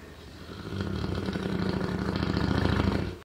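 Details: Deuce, an approximately 2-3-year-old male blue brindle Neapolitan Mastiff, snoring in sleep: a rough, rattling low snore that builds in loudness over about three seconds, with rapid fluttering vibration.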